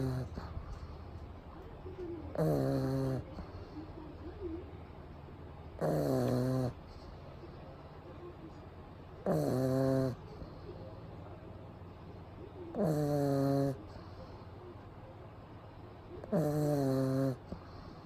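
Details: A pug napping in the daytime with eyes rolled back, recorded close up: loud, regular snoring at about 17 breaths a minute, each in-breath a rough vibrating snore with quiet exhales between.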